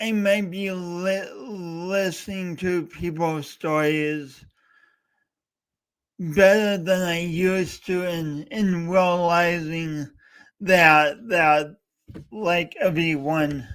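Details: Male host with a self-described speech impediment, coached by a speech coach for years, talking live for three hours straight as a challenge; speech impediment (stuttering-like disfluency).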